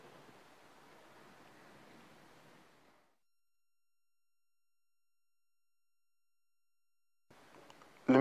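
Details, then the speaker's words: Normal vesicular breath sounds, stethoscope auscultation of the chest during mouth breathing a little deeper than normal: soft, low-pitched rustling airflow, mainly inspiratory, away from the large airways, then quiet. "véhiculaire est un bruit de faible intensité de timbre doux et de tonalité basse entendu dans l'ensemble de la cage thoracique à distance des grandes voies aériennes il est surtout perçue pendant l'inspiration"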